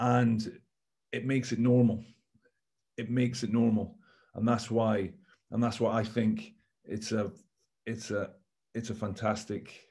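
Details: Stammering (stuttering) in an adult male former rugby captain, whose first memory of stammering is from age 11, speaking on a panel.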